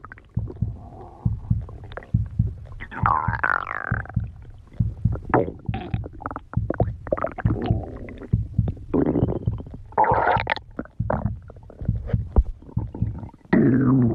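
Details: Ordinary stomach growling (borborygmi) in an adult: irregular gurgling, rumbling and squeaking bowel sounds.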